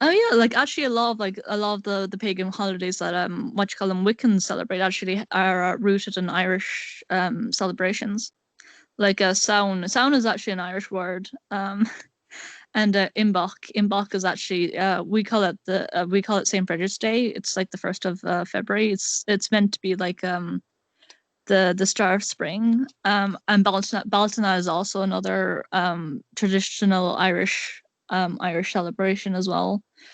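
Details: Male speaker with a self-described awful stutter, repeating words; stuttering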